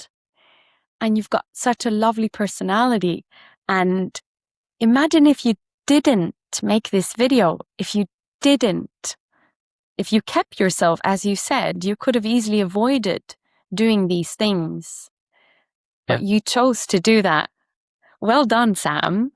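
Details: Adult speaker; typical speech.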